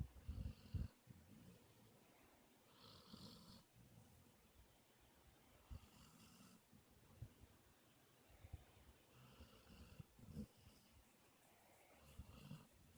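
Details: Napping, snoring kind of loud: quiet, rhythmic, soft low snoring breaths, about four in thirteen seconds, with light snuffling between them; snoring.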